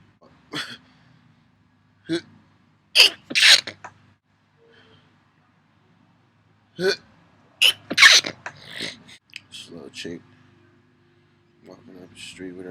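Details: Person sneezing: several sharp bursts of air with brief intakes between them, mixed with some talking.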